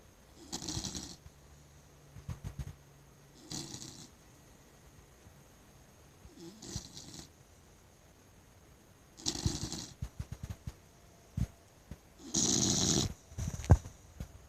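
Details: Blue Nose Pit Bull sleeping with soft, irregular snoring snorts, about five, one louder near the end; she is woken, told to go back to sleep, and snores again. Ordinary snoring.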